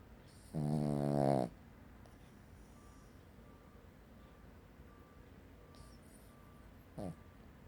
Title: Cavalier King Charles Spaniel dog snoring like a chainsaw